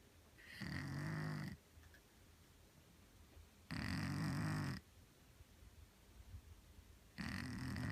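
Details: Neutered male feral cat, now let indoors during the day, snoring: three slow, rumbling snores about a second long with quiet pauses, roughly 18 breaths a minute.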